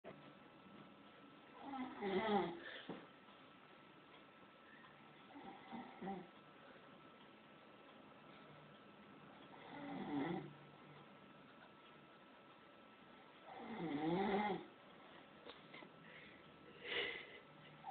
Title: dad snoring